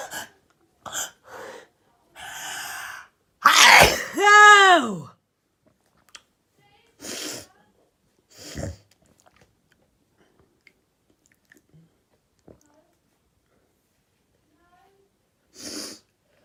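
Quick sharp inward breaths and a loud sneeze with a rising-falling voiced burst, then further short sniffs and breaths in a quiet room.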